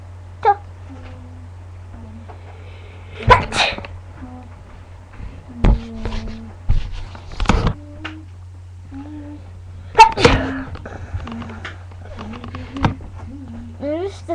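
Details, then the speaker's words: Repeated real sneezes, several abrupt explosive bursts with a steady hum and light talk or music between, after attempts to fake one; sneezing. "I'll try to It keeps sneezing. Sorry, it's a real one. That was a funny sneeze."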